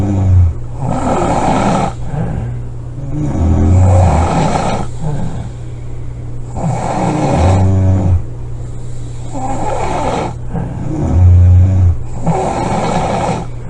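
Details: Snoring recorded July 25 2017: loud, deep, rumbling snores about every four seconds, roughly 16 a minute, over a steady low hum; heavy snoring.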